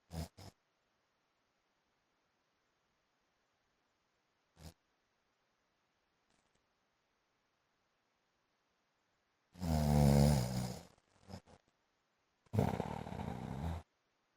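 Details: Adult man, the recorder's husband, asleep: long quiet gaps, then two loud, rough, low-pitched rumbling snores likened to a motorbike, with a few short snorts; loud snoring.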